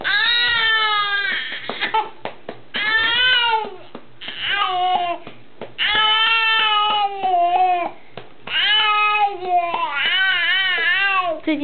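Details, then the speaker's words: Baby fussing during burping for stomach gas: repeated strained, whining wails with short catches of breath between them, while being patted to bring up wind. "最近发现他的哭声很好。"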